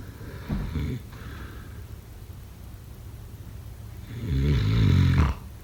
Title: #snoring #snoringasmr #snoringsleepingsoundeffect #sleepnoises #snoringsounds